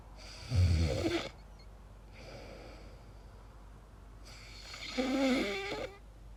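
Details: Person recorded asleep making strange noises, wondering about sleep apnea; two loud, rough snoring breaths separated by a quieter breath: snoring.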